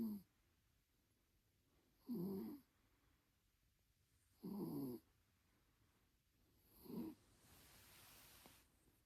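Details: Soft, rough snorts about every two and a half seconds, roughly 26 a minute, from a very sleepy tuxedo cat twitching while trying to rest in a quiet room; snoring.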